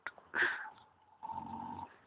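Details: A sleeping pig at an animal sanctuary makes brief snorting, grunting breath noises, then one rough inhaled snore followed by a steadier droning snore.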